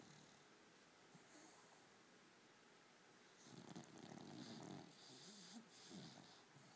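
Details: Cocker spaniel puppy sleeping: soft snuffling, rasping breaths over faint room noise; quiet snoring.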